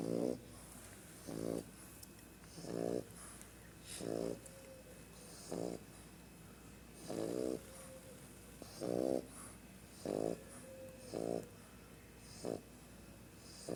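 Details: French Bulldog snoring: regular rattling snore bursts with each breath, about twenty breaths a minute, in a quiet room, giving steady snoring in a flat-faced dog.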